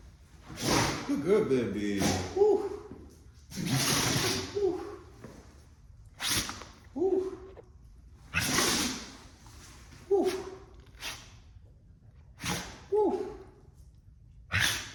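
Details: A pitbull sneezes after the floor is mopped with bleach: repeated short, forceful bursts of sneezing, mixed with a man talking nearby.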